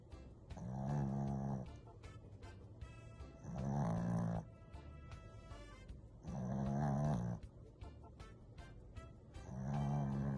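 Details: Snow dog just discharged from hospital, sleeping in the same position for nearly 2 minutes: four loud, rhythmic, low rumbling snores, about 20 a minute, over quiet background music.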